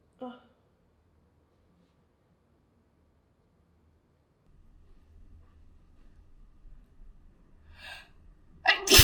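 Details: Sneezing.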